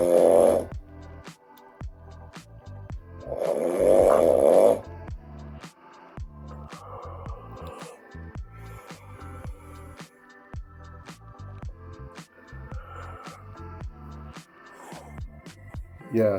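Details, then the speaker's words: Adult man with sleep apnea awaiting jaw surgery; airway described as narrowed like a drinking straw; loud, harsh obstructive snoring during a hypopnea, with shoulders rising from breathing effort, ended on waking by a couple of mouth breaths; background music. "So, as usual, um you can see that when I start to wake up, you know, I usually end the hypopnia or the apnea with a couple of mouth breaths, um just to um you know, get as much oxygen as I possibly can."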